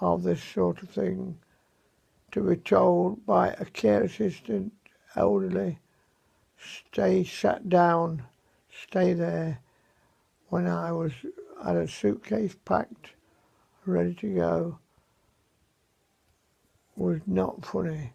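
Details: 77-year-old man with dysarthria after a severe stroke in May, about seven months earlier; voice severely affected, mobility very limited; unscripted home recording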